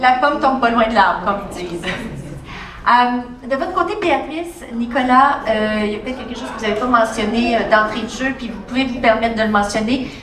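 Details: Adult woman speaking French; normal speech.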